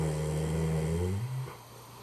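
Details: A single loud, low, droning snore that fades out, from a sleeping dog; snoring.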